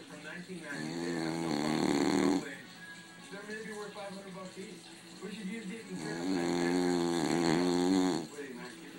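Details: Two long, loud, rattling snores about five seconds apart, with quieter breathing and faint background sound between them: snoring.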